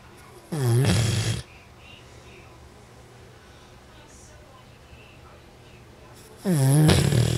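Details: Man sleeping and snoring heavily: two loud, rattling snores about six seconds apart with quiet breathing between.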